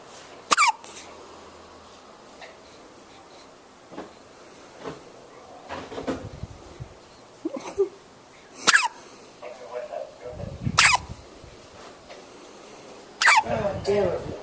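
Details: Hiccups in a person: four sharp, sudden hiccup sounds at irregular gaps over about fourteen seconds, with soft breathing and room noise between them.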